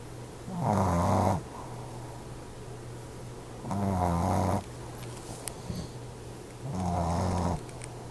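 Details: Two sleepers snoring together: regular rumbling snores about every three seconds, roughly 19 a minute, over steady room hum; snoring.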